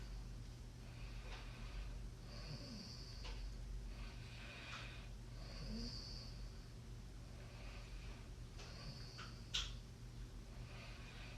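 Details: Snoring during sleep: repeated snorting, rattling breath noises recurring every few seconds over a steady low background hum.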